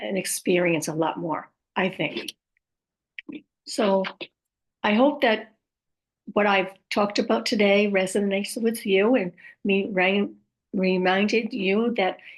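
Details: Woman with aphasia after a stroke, who also mentions apraxia and dysarthria among her communication challenges; aphasia.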